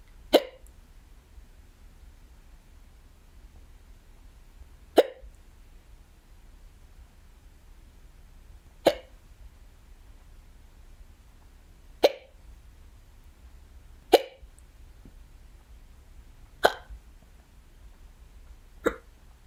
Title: I got the hiccups UwU